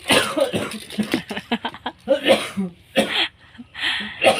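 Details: A father's run of short, harsh coughs mixed with breathy laughter and playful noises while his baby bounces on him playing horse; ordinary coughs.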